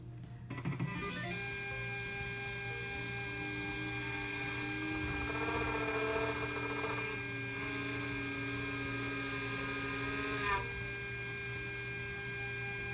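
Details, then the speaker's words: Simulated immediate implant placement in an artificial mandible molar extraction socket: slow dental drill at 1200 rpm drilling the inter-radicular septum for a CeraRoot 16 zirconia implant, a steady high-pitched whine with faint mechanical hum, before checking drilling direction. "Before we keep on drilling all the way to the end, we want to make sure our drilling direction is correct."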